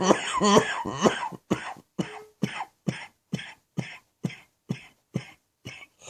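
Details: Adult with an evening chesty cough from an infection: a voiced, groaning start, then about ten harsh cough bursts in a steady run, a productive cough.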